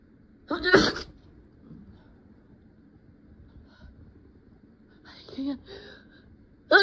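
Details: Acted, simulated sneezing while trying to stifle sneezes in a dusty hiding place: a sharp explosive burst, then after a pause a quick in-breath and a second sneeze starting.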